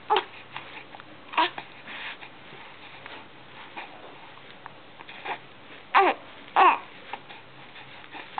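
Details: Repeated short, irregular hiccups with soft baby noises from a two-month-old baby; infant hiccups.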